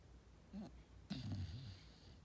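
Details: Sleeping Golden Retriever, tired after hard work: two short, low, rattling snore sounds.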